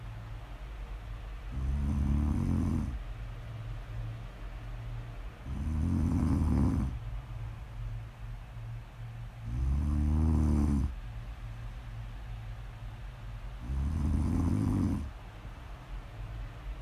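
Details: Four deep, rumbling snores about every four seconds, around 15 breaths a minute, over a steady low hum; regular snoring during sleep.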